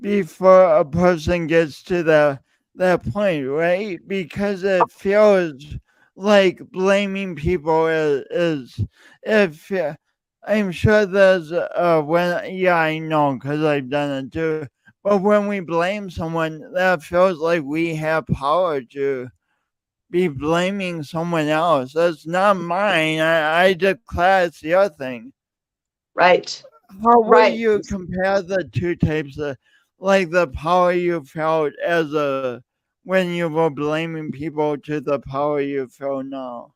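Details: Male podcast host who says his speech impediment is audible every time he speaks; part-word and word repetitions; stuttering (speech disfluency).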